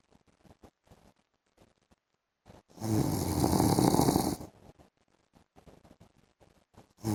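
Loud harsh rattling snore lasting nearly two seconds, then quiet breathing noises and the start of another snore; heavy snoring.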